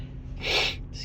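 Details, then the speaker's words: Female with a Christmas cold: one brief, forceful sneeze with a sharp burst of air; a sneeze from a cold. "uh, wow, that was a big one."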